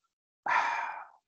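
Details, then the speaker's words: Spoken imitation in a Spanish cardiology lecture of an aortic regurgitation murmur: one breathy blowing sound fading in under a second, a decrescendo diastolic murmur starting once ventricular pressure falls below aortic pressure. "Entonces aquí el problema empieza cuando debió cerrarse la válvula sigmoidea aórtica, entonces es un soplo que empieza tan pronto la presión del ventrículo cae por debajo de la aorta, es un soplo indecrescendo,"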